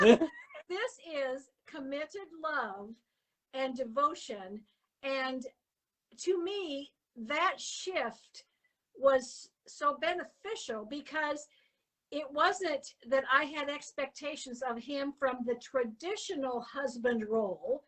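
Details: Adult woman; typical speech.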